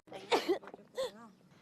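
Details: Female K-pop idol sneezing: a short voiced intake, then a sharp burst of air and a quick second burst; sneeze.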